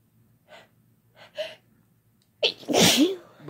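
A few short catching inhalations build up, then a loud explosive sneeze: an ordinary sneeze.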